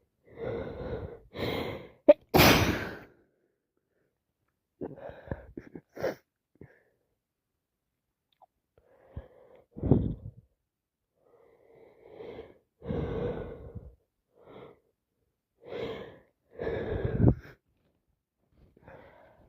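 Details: Repeated wet sneezes during a severe common cold with sniffles, recorded in real time; each has a short in-breath then an explosive burst, with quiet gaps between.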